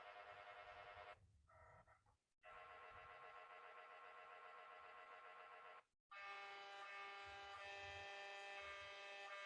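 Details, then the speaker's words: Loud, harsh, rapid buzzing and droning tones with brief pauses from a magnetic resonance imaging scanner during an exam, demonstrating how noisy the exam is; MRI scanner noise. "lo cierto es un examen muy ruidoso hay un ruido durante todo todo el examen entonces acá les quiero mostrar un pequeñísimo vídeo para quien nos ha hecho una resonancia magnética para que tengamos un pequeño concepto de a qué me refiero con este ruido de la resonancia magnética"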